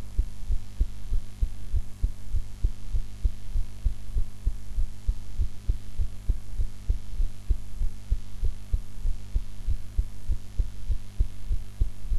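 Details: Own heart recorded after eating, in a different posture from usual: regular low heartbeat thumps at about 98 beats a minute over a steady low hum.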